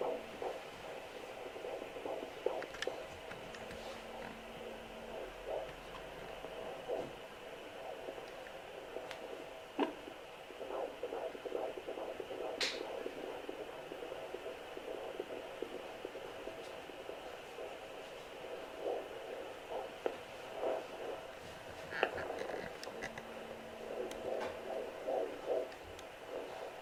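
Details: Fetal heartbeat heard with a handheld home Doppler on the belly of a woman pregnant with her tenth child, using ultrasound gel: rapid, rhythmic whooshing pulses with probe scraping noises.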